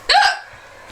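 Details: A single abrupt, voiced hiccup with a sharp catch of breath, a recurring bout of hiccups ("again"); hiccup.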